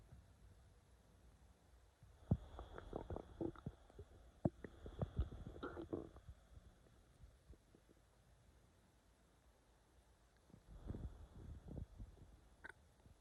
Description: Tried my best to capture some belly growls. Ik it’s not the best, but I tried!